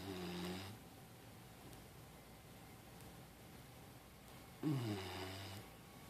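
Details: Labrador puppy taking a mid-morning nap: two low, buzzing snores about four and a half seconds apart.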